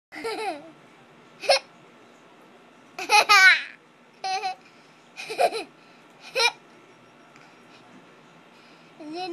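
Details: Young child with hiccups: short, abrupt voiced hiccups every second or two, mixed with giggles and babble.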